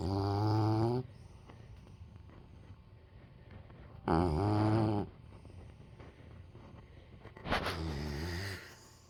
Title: snoring pup